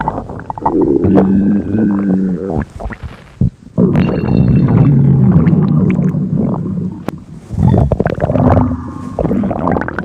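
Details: Comedic stomach noises from a T-Mobile bot character in Gorilla Tag, likely a game sound effect: drawn-out gurgling rumbles with warbling tones, in bursts separated by brief pauses.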